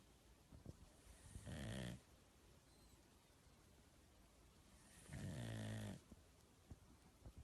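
Two loud, rattling inspiratory snores, about 16 breaths a minute, with quiet between them.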